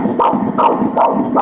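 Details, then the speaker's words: Fetal heartbeat at 13 weeks of a mother's first pregnancy, heard on high-resolution ultrasound Doppler: fast, regular whooshing pulses at about 157 beats a minute, within the normal range. "Eens kijken wat de hartslag van de baby is, hier... Op dat moment 157... Laten we nog even luisteren, het kloppende hartje van de baby..."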